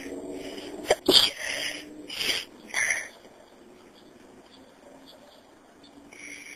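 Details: A few forceful sneeze bursts in quick succession, then a quiet room with faint hum; deliberately induced sneezes in a person who may be getting a cold, recorded on a phone.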